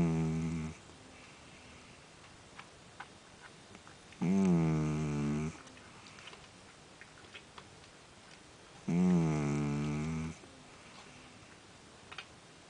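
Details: Two sleeping rescued cats, a tuxedo cat and a second cat snoring at a higher pitch, long, low, buzzing snores every four to five seconds, about 13 a minute; snoring.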